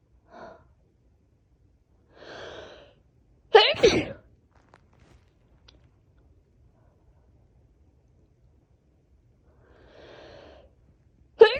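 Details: Person with a cold sneezing after long stifling of sneezes: loud, forceful sneezes, each preceded by a sharp indrawn breath, with quiet pauses between.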